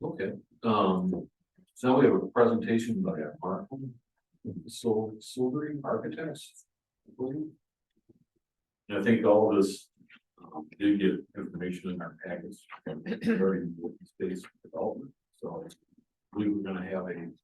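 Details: Adult man speaking in a meeting room; normal speech.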